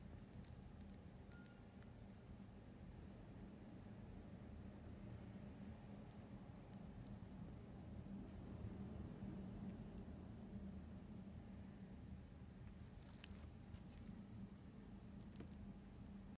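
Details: Black cat receiving compressor nebulizer treatment with prescribed medication for lung disease: steady low mechanical hum, no breathing or cat sounds standing out.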